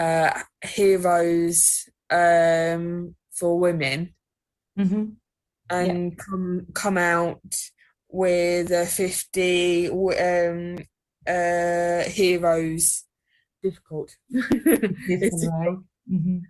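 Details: Adult female research participant with mild or moderate aphasia, who finds reading tiring and uses text-to-speech.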